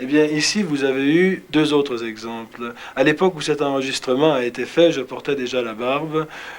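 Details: Adult male speaker, French; Normal fluent speech.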